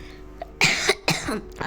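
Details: Child with a cough while playing online chess: two quick harsh coughs with faint background music, a cough.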